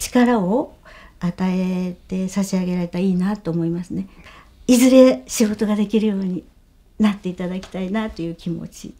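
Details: Adult woman speaking Japanese; normal speech.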